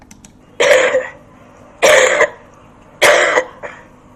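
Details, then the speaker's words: Three sharp, forceful adult voluntary coughs about a second apart, the last with a brief trailing burst, from a TB-negative patient, studio-microphone recorded at a Cape Town primary health clinic in fairly noisy conditions. "So the first cough was from a TB negative patient, and the second was from a TB positive patient."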